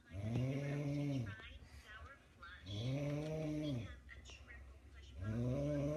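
Slow, low, rumbling snores on each breath, about two in six seconds, with quieter pauses between them.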